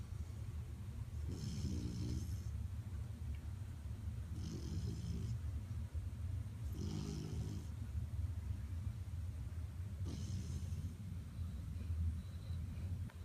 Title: Puppy snoring!